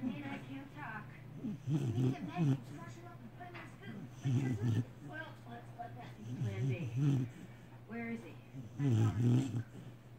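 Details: Pit bull pet dog asleep, possibly after a really long drive, snoring: low, rough, snorting breaths about every two seconds in a quiet room.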